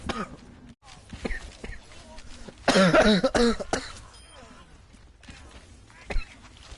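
A forceful burst of hard, harsh coughs, with quieter throat noises and room sounds before and after.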